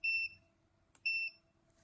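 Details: Two short high electronic beeps about a second apart from the curing light of a TAOS1800c dental chair central clinic unit, quiet room noise between; curing light beep.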